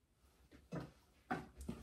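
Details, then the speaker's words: Stomach rumbling (borborygmi) in a person who feels unusually hungry early in the morning: three short, low gurgling bursts over quiet room noise. "you hear my tummy rumbling? I'm really hungry, I don't know why."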